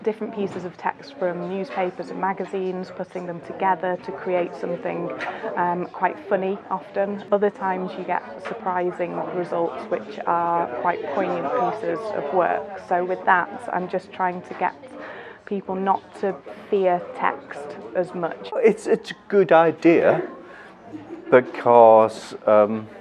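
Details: Adult woman speaking; no speech disorder.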